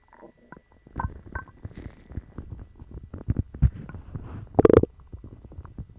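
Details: Stomach growling after eating dog treats, which caused a bellyache and loose bowels: loud gurgling, bubbling rumbles in irregular bursts, active bowel sounds.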